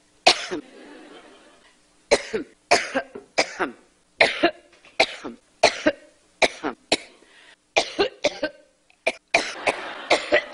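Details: Repeated dry cough bursts in quick clusters, about a dozen coughs over ten seconds, forming a coughing fit; adult woman coughing during a live interview, as though needing water.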